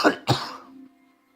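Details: Two quick harsh coughs, the second trailing into a brief throat-clearing hum; ordinary cough.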